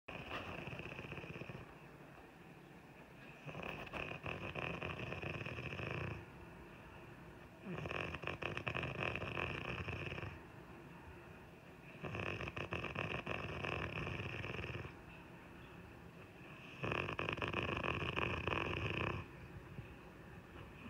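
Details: Wife snoring like a bear: loud, rough rattling snores with each breath in, about five in twenty seconds, separated by quieter breathing out; heavy snoring.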